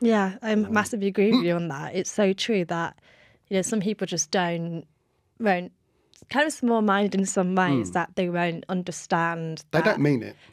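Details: Adult woman speaking; normal fluent speech.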